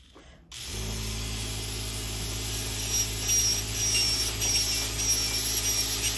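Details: Podiatrist thinning the thick yellow fungal toenail of an adult female patient with a water-spraying rotary nail grinder: steady high-pitched grinding whine with faint hiss of water spray.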